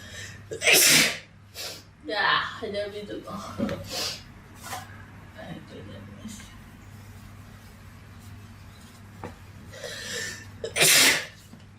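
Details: Two loud explosive sneezes, near the start and the end, with breathy sounds and faint talk between them; sneezing episode that then stops.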